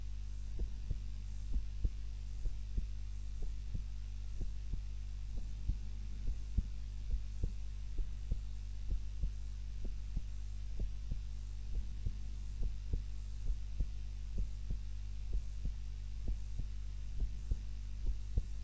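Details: Own normal heart sounds recorded on a timer while napping, lying on the back rather than the usual prone position: soft, steady beats at a slow resting pace over a constant low hum.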